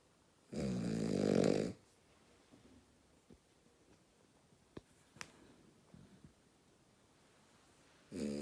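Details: Sleeping female dog snoring very loudly: a loud, rough snore of about a second, then quiet with small clicks and snuffles, and another snore starting at the end.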